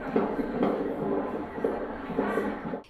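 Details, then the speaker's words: Fetal heartbeat heard by Doppler probe in a pregnant woman, sex of baby not yet known: rhythmic whooshing pulses. "a grazi ela ainda não sabe se é menino ou menina mas ela já consegue ouvir o coração do bebê"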